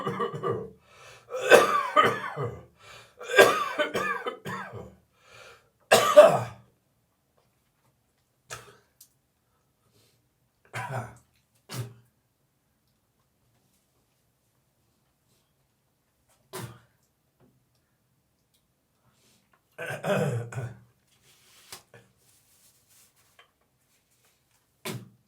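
Adult's harsh, dry cough in clustered bursts with gagging and throat clearing, then quieter coughs and spitting.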